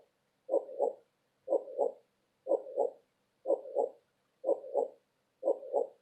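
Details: Normal heartbeat: steady, regular paired lub-dub beats at about 61 per minute with a muffled, hollow tone.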